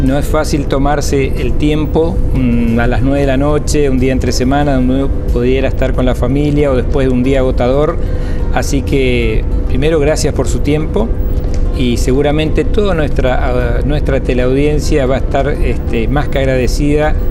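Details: Adult male speaker; typical speech.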